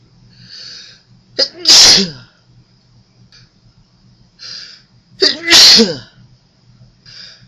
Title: Second Attempt (A few more sneezes for you)